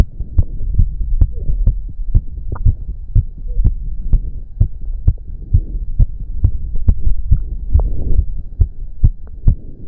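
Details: Male heartbeat during an intense cardio workout of about 15 minutes, with heavy breathing. Fast, forceful, regular beats at roughly 140 a minute with a low hum; he reports close to 200 bpm. Sinus tachycardia.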